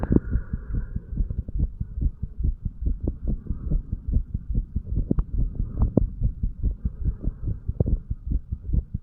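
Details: Heart sounds of a 35-year-old man recorded at the tricuspid valve area while sick: steady low paired thumps of a regular heartbeat with a faint background hum.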